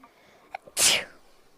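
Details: A single sneeze from a VTuber: a quick intake of breath, then one sharp, hissing burst.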